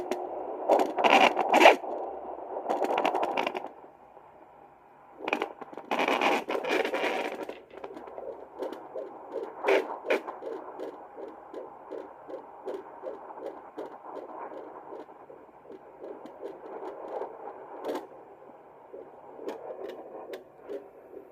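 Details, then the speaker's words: Fetal heartbeat on a HIBEBE home Doppler: rapid, regular whooshing beats at about 145/min after scraping probe noise, distinct from the slower maternal heartbeat heard earlier (about 60–89/min). "네, 박자가 제 박자는 퉁퉁퉁퉁 이렇게 들렸다면 아기 박자는 퉁퉁퉁퉁퉁퉁퉁퉁. 네, 슈쿠 슈쿠 슈쿠. 저의 이렇게 심음이 들렸다면 태아 심음은 축축축축축축 이렇게 뜨고요."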